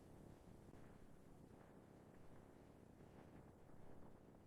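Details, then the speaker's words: Simulated stomach growl from a 3D animation: low, continuous rumbling with faint gurgles, called borborygmi, caused by intestinal muscles squeezing gas and fluid through the intestines, even when empty. "sound is called borborygmi. It's caused by your muscles squeezing gas and fluid through your intestines, even when they're empty."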